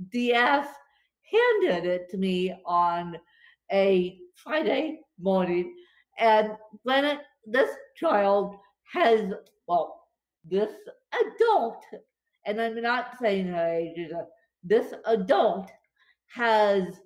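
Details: Dysarthria from cerebral palsy affecting limbs and brain in a female speaker; she reports speech more tongue-tied than usual after a bad spasm day.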